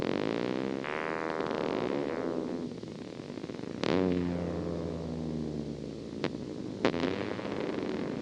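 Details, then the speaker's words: Needle EMG: buzzing, revving discharges that speed up and increase then decrease in amplitude, from a muscle fiber problem: myotonic discharges. "you can kind of hear that rapid speeding up you can see it a little bit and it also will increase and decrease in amplitude as well"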